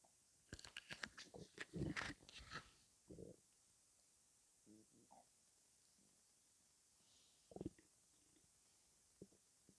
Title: Stomach rumbling (headphones advisable )